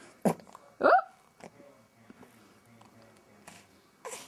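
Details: Two abrupt hiccup sounds close together, then quiet room noise with faint small sounds: infant hiccups during smiling and tummy time.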